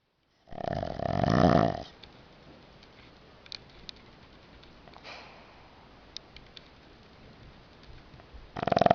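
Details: Two-year-old pug snoring as she falls asleep: a loud rattling snore, then quiet breathing with faint clicks before the next snore.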